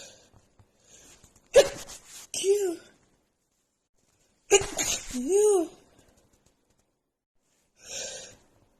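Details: Woman sneezing repeatedly after about an hour outside in snowy cold, nose runny, with dust also blamed: two forceful sneezes trailing into a voiced 'choo', then a softer follow-up sound.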